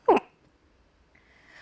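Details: Involuntary vocal tic of Tourette syndrome in a woman diagnosed in childhood: a single abrupt, loud vocal burst, then quiet room noise.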